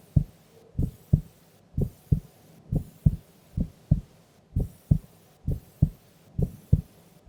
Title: Sleeping Female Heartbeat Sound